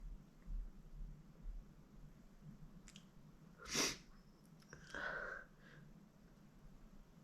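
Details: Sneezing while baking after a nose tickle, sneezing onto flour: a faint sniff in a quiet room, then a sharp, explosive sneeze and a softer follow-up burst.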